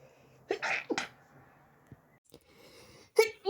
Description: The sneezes were from the morning after waking up.